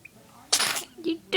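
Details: Newborn boy at two weeks old gives a single sharp, airy infant sneeze followed by a brief soft little vocal sound.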